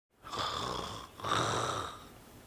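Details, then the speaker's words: Snoring during sleep or at sleep onset: two rough, rattling inhaled breaths in a row, each about one second long, with a gurgling flutter. "দর্শক আপনারা আপনাদের আশপাশে কখনো রাস্তাঘাটে কখনো ট্রেনে বা বাসে এমনটা খেয়াল করেছেন যে কেউ যখন ঘুমায় বা ঘুমের প্রারম্ভে গড়গড় শব্দ করতে থাকে গড়গড় করে ঘুমায়"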